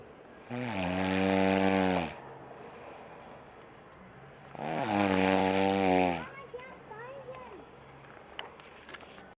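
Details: A person sleeping on a camping trip, snoring: two loud, drawn-out rumbling snores with a hissing edge, about 4 seconds apart, with quieter breathing between; loud snoring.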